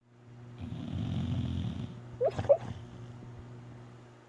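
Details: Dog sleeping and dreaming: a low, rumbling snore, then a few brief squeaky whimpers; snoring.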